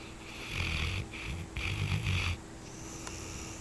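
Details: Dog snoring while asleep: rough, rattling snores on each breath with a faint whistle; owner says this is mild compared with nights she keeps them awake chasing rabbits in her sleep.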